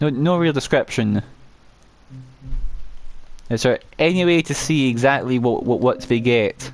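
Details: Adult male with a self-reported uncontrollable stammer, which he says particularly affects m and w sounds, with audible word repetitions; stuttering.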